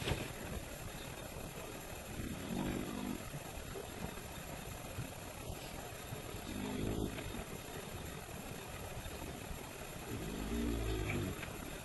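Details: Family member snoring during sleep: three low, rumbling snores about four seconds apart, roughly 14 per minute, over steady engine-like background noise.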